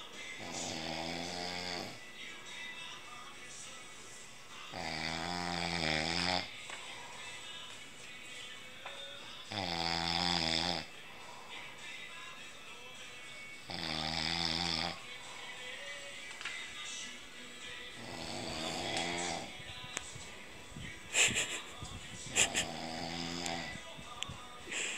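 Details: Loud, rumbling snores from a sleeping father, recurring about every four seconds, roughly 14 breaths a minute, audible across the house.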